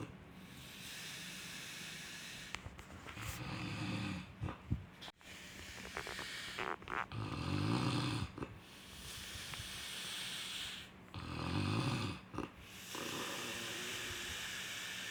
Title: snoring sound